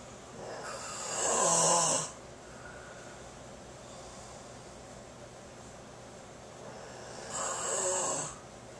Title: The sounds of snoring